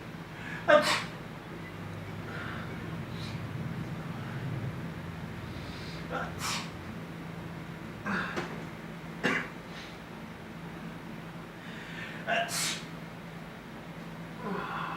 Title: A person is sneezing on dishes while another person is throwing a pillow.